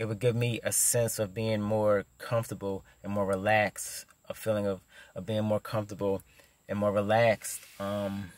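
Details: Stuttering in an adult man who stutters.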